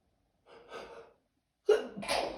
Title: Allergies already ? Second bigger sneezing fit in two days